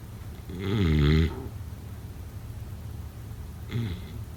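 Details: A single loud, low, vibrating snore on an in-breath, then quiet breathing and the start of a fainter snore; snoring during sleep.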